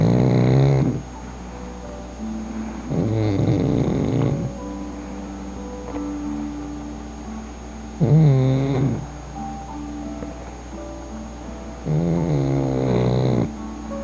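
Rhythmic snorting snores from a sleeping pug puppy, about four breaths in fourteen seconds, over soft background music.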